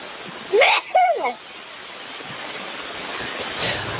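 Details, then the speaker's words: A raven at a crow rescue society in Prince George imitates a human sneeze learned from staff: two quick, sharp sneeze-like bursts over a steady hiss. It is mimicry, not a real sneeze or illness. "yeah, sounds like sneezing, doesn't it, coming from the raven? Huxley isn't actually sneezing. He's mimicking the sound from one of the people working at the Good Cause Crow Rescue Society in Prince George."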